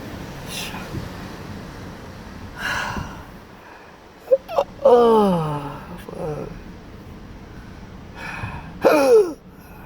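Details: Patient with persistent intractable hiccups since December 2015, with breathing and choking spasms, cause undiagnosed, recorded without vibration therapy: abrupt clicking catches, some with voiced strained gasp, every few seconds; hiccups.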